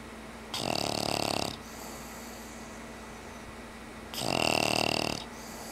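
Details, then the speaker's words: Pet napping after playtime, snoring; two loud, buzzing snores on the in-breath, about a second each and several seconds apart, with quiet breathing between. "And that was your momentary snore break."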